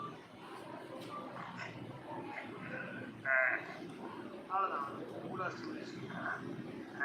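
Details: Male puberphonia patient whose real voice returned suddenly after non-electrical manual uvula stimulation treatment; restored voice after puberphonia treatment.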